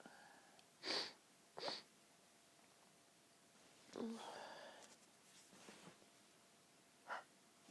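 Breathy inhaled build-ups, then several short pinched, stifled sneeze bursts in a quiet room.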